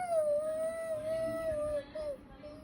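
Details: Young boy with fever crying, sustained high-pitched whimpering cry tapering off toward the end while being comforted; crying.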